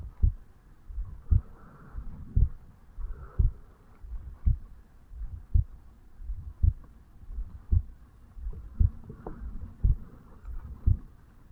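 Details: 35-year-old male, heartbeat self-recorded over the mitral valve area on waking in the morning: regular low thumps at about 56 beats a minute with faint background hum; normal heart sounds.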